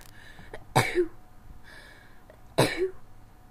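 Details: Two sharp explosive bursts a couple of seconds apart, each with a short trailing tail, in a quiet room, during a sneezing bout with a runny nose while a window was open; sneezing.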